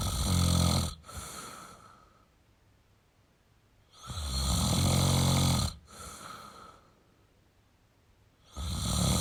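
Loud, rattling snores on each in-breath, with softer out-breaths between, about 14 breaths a minute; habitual snoring.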